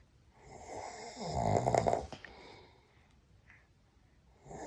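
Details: Father snoring, waking the baby: one loud, rattling inspiratory snore in a quiet room fading into soft breathing.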